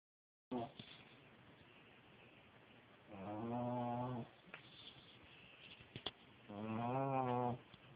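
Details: Pug fast asleep and snoring: slow, drawn-out nasal snoring sounds on breaths, about 18 a minute, separated by quiet gaps.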